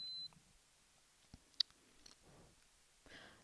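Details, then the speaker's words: Welch Allyn Connex Spot Monitor demonstration using the Pro 6000 ear thermometer with probe cover: a brief high beep then faint clicks and handling as the patient's temperature reading completes. "The patient's temperature can also be taken if either of the thermometry options are available on your device."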